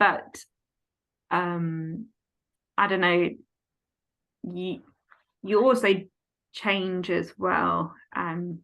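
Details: Aphasia in an adult woman following a stroke at age 18, now 14 years post-stroke, affecting speech, reading, writing and understanding numbers.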